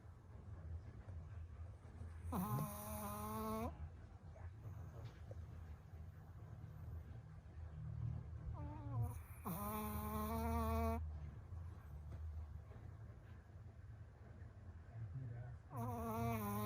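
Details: Woody, a 9 lb male shih tzu almost 2 years old, snoring loudly like a freight train during a nap while wearing an air pillow collar to stop licking a tick bite: low rumbling breaths broken by loud whining, vocal snorts.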